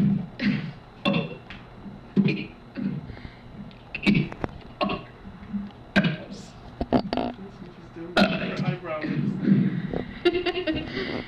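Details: Girl making repeated deliberate voiced burps, each shaped into a letter of the alphabet, with short pauses between.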